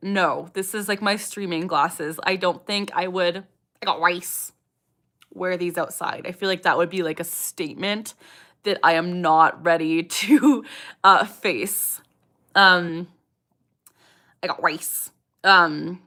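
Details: 27-year-old woman with Tourette syndrome speaking during a livestream, her speech interrupted by a vocal tic; vocal tic.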